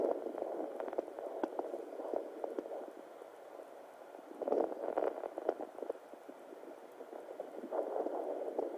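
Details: Whooshing, crackling sounds from a handheld fetal Doppler on a pregnant abdomen, with no clearly separated fetal heartbeat rhythm.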